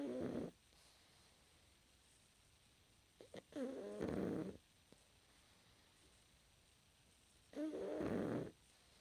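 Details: Pug fast asleep snoring: loud rattling snores with long quiet pauses between breaths.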